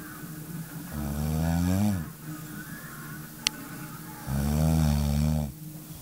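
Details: Adult woman snoring in sleep one night, though she normally never snores: two deep, buzzing snores on breathing in, about 20 a minute, with quiet breaths between.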